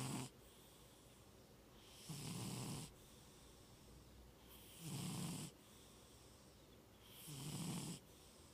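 Loud, regular rasping snores with each breath in, about 23 a minute, separated by quiet breathing out.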